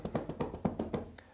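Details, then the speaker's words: Manual chest percussion during respiratory physiotherapy to loosen stuck mucus: rhythmic hollow hand claps at about eight per second, moving from the lower ribs over the lower lungs up to the mid-thorax over the middle lung. "so starting over the lower ribs which will be over the lower lungs we can then move up to the middle of the thorax which would be the middle part of the lung"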